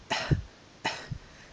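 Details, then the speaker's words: Woman after pectus excavatum surgery, with burning chest pain on coughing, coughing deliberately gently: two soft, brief, controlled coughs. "it feels like that only worse inside your chest while you're coughing and it radiates for a few moments after you're done um unless you can manage to cough gently like"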